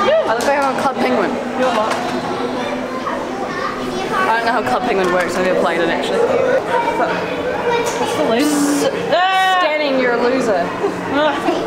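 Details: Vocal tics in a person with Tourette syndrome, heard in public at a museum; sudden swearing and interjections.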